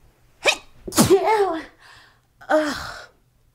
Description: idk why I always wake up sneezing like this???